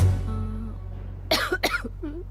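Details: Two sharp acted coughs after a fading musical note, with a short voiced sound after, in a cough syrup advertisement.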